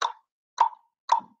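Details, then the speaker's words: Nurse's spoken vocal imitation of Korotkoff sounds during manual blood pressure measurement with cuff deflation: three short voiced thumps about half a second apart. "maybe it sounds like a whoosh, whoosh, whoosh, or it can sound like a, right? There's different sounds that you may hear, okay, for the Korotkoff sound."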